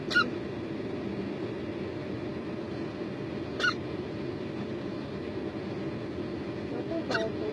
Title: The cutest hiccups ever!